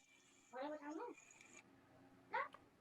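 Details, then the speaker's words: Newborn with bilateral vocal cord paralysis: high-pitched crowing inspiratory stridor, with an expiratory phase audible on close listening; shown in a lecture on neonatal airway emergencies. "this is high-pitched inspiratory crowing stridor of a bilateral cord paralysis. And if you listen closely, there's also an expiratory phase."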